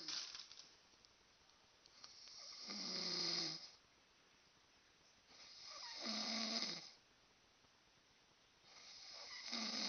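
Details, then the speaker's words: Friend's snoring recorded because it keeps the recorder awake: loud, harsh snoring in a regular rhythm, about 19 breaths a minute, with quiet pauses between. "That's him snoring. I can't go to sleep unless this guy, like, I can't sleep unless this guy is, like, in another house."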